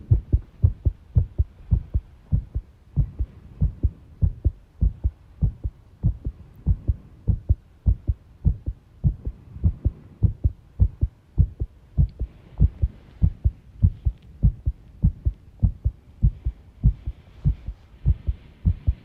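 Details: Self-recorded heart sounds with arrhythmia, taken while tidying a room: thumping heartbeat roughly 100 a minute with uneven spacing between beats in places, an irregular rhythm; faint rustling in background.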